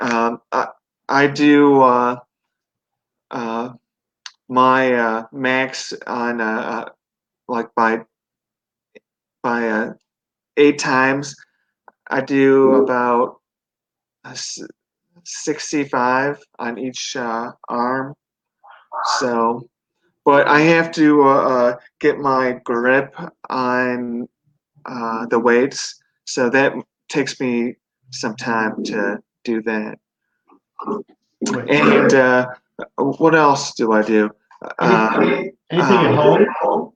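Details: 42-year-old man, 25 years after a stroke from an artery rupture during benign brain tumor surgery at 17, left with right-sided paralysis and global aphasia, relearned speech with residual difficulty; aphasia.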